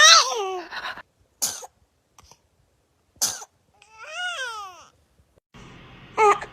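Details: Infant sneezing: several short, sharp baby sneezes between brief whimpers and babbling, with music in the background.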